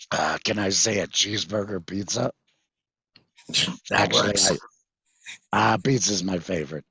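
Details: 66-year-old male with total laryngectomy in February 2019 for vocal cord cancer after months of hoarseness; voice prosthesis fitted September 2019, electrolarynx used before that; tracheoesophageal speech (voice prosthesis) after total laryngectomy.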